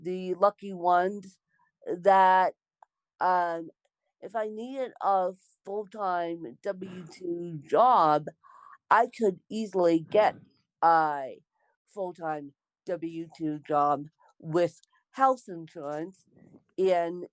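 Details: Dysarthria in an adult woman born with cerebral palsy.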